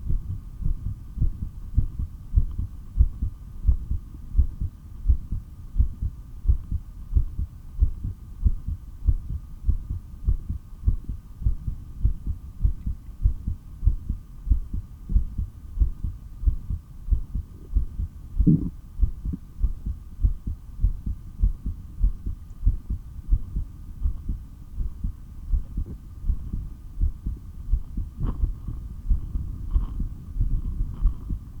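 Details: Person's own heartbeat through a stethoscope during a breathing exercise: an over-3-minute breath-hold, then 15 breaths in 17.5 minutes. Steady, strong, low pounding beats at roughly 94 per minute with a faint steady hum; normal heart sounds.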